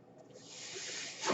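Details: A soft airy hiss builds over about a second, then surges louder at the end, as a man's own ventilator delivers a breath while he records a spoken podcast: mechanical ventilator breath cycle.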